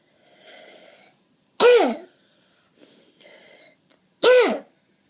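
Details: A child with croup gives two harsh, barking, tonal coughs, each preceded by a noisy, high-pitched inspiratory breath.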